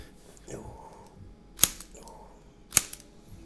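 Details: Two sharp, spring-loaded clicks about a second apart from a chiropractic Activator adjusting instrument, with faint rustling between. It is used on a man with bilateral plantar fasciitis to retrain the foot arch and heel position.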